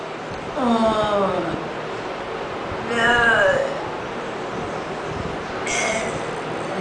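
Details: Patient with amyotrophic lateral sclerosis (ALS) and mixed spastic dysarthria, counting from 1 to 5 without moving the head on the therapist's request in a speech therapy session.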